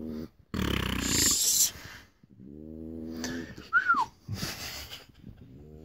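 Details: A person and a dog snoring together in a quiet room: rough snoring breaths alternate with tonal, whistling nasal breathing from the dog.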